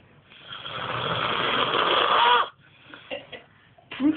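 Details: Brother's snoring: a long, loud, harsh rattling snore building over about two seconds, then quieter breathing noises and the start of another snore.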